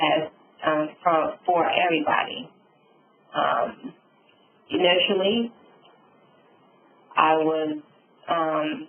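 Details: Adult female stroke survivor with aphasia with apraxia of speech following a subarachnoid hemorrhage and stroke; she reports sometimes being unable to think of the word.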